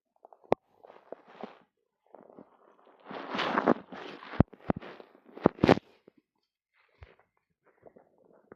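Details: Active bowel sounds (stomach rumbling): irregular gurgling and bubbling with sharp pops, after drinking two cartons of yogurt.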